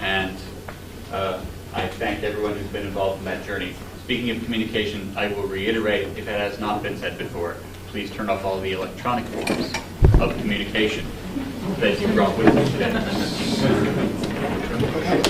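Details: Adult man addressing an audience; typical speech.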